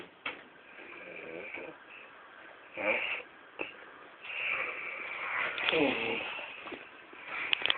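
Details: Rough, noisy in-and-out breaths with snorting, rattling sounds in a quiet hotel room, from a man asleep after drinking to celebrate; snoring.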